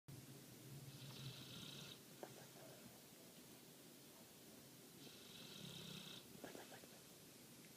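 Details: Snoring beside someone else: two slow, soft snoring breaths with a faint fluttering rasp over steady room noise, about eight per minute; ordinary snoring.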